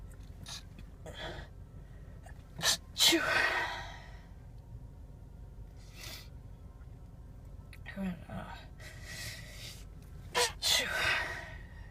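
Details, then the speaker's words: Run of sharp, explosive sneezes while driving and looking for a parking spot, some with a quick breath drawn in first, over low car noise; sneezing before pulling over. "around looking for a parking spot. And started sneezing. Sneezing. I try to pull over."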